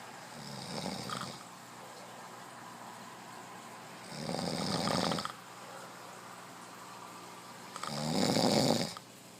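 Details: Three loud, rough snores at irregular intervals with quiet breathing between, in a quiet room; ordinary snoring.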